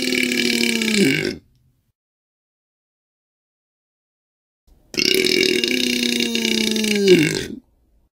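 Two long, loud, deep voiced belches separated by a few seconds of silence: burping.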